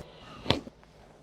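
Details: A single sharp crack with a faint second pop right after during a chiropractic spinal adjustment for back pain; joint cavitation.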